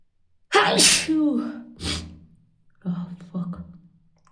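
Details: A loud, explosive voiced sneeze followed by a second forceful burst, then softer breathy sounds: sneezing.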